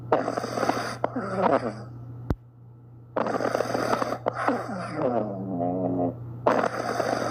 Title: snoring puppies | loud snoring puppies | sleeping soundly | #shorts #snoring #puppy #cute